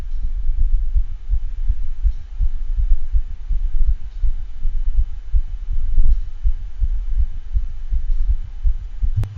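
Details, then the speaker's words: 13-year-old spayed female dachshund with dyspnea and cough, thrill palpated over left apex, congestive heart failure from degenerative mitral valve disease: fast heartbeat with harsh whooshing holosystolic regurgitant murmur, clearer toward the end. "this is a recording of a murmur from a dog with congestive heart failure and degenerative mitral valve disease typically as a whole of systolic regurgitant quality murmur"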